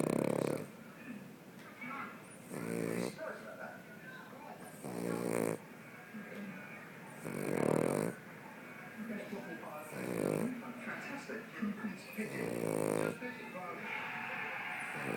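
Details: Cavalier King Charles spaniel dog snoring: repeated snorting, rattling snores about every two to three seconds over steady background noise.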